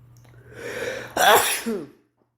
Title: Sneeze and Blows